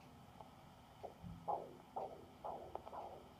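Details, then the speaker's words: Cat under medetomidine, cuff just below the elbow, Doppler probe with gel: rhythmic whooshing arterial pulses return as the cuff deflates, marking systolic pressure about 70 mmHg. "squeeze the cuff up until the pulse disappears and then smoothly and steadily release the pressure pulse is disappearing about 70 and lo and behold"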